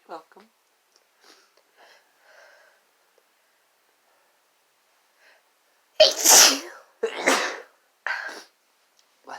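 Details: Faint speech, then a quick run of three or four forceful sneezes, a sneezing fit brought on by chhinkni sneezing powder.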